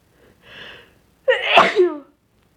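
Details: Deliberately induced sneezing with a sensitive nose, possibly getting sick: a short breath in followed by a single sharp, voiced sneeze.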